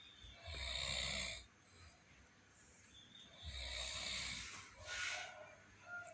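Loud, rattling snores on each in-breath, about 20 a minute, with softer breaths out; snoring.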